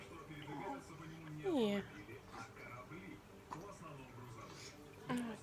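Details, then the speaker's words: Baby with hiccups: two brief, abrupt voiced squeaks about three and a half seconds apart over soft room noise, infant hiccups. "Ики у нас. Вот так. Какая. Какая. Игушки напали."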